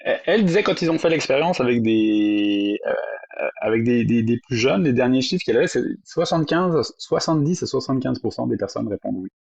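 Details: Adult French-speaking woman who stutters; stuttering.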